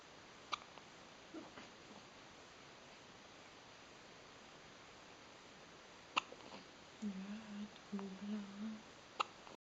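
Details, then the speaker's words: Hiccups from a baby. " škytá."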